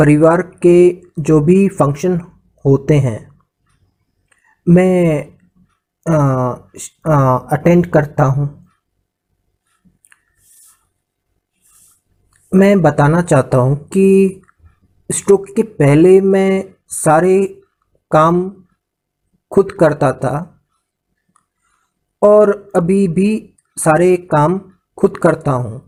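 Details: Adult man with aphasia after a brain stroke/hemorrhage in 2014, initially able to understand but not speak; after about two years of speech therapy speech improved but remains affected; aphasia.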